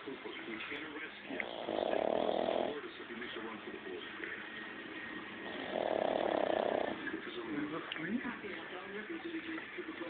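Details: Loud snoring in sleep: two long, raspy snoring breaths about four seconds apart over quiet room noise.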